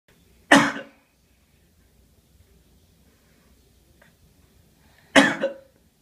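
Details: A baby gives two brief, separate cough bursts on purpose, a voluntary fake cough rather than from illness.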